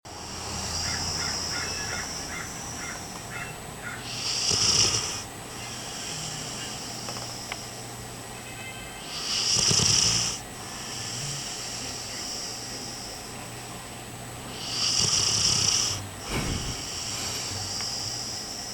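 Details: A sleeping dog snores in three hissing, nasal bursts about five seconds apart, roughly 11 breaths a minute.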